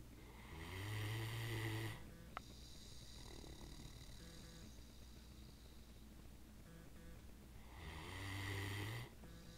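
Two loud, low, rattling snores about seven seconds apart, with quiet breathing and room hum between them: ordinary snoring.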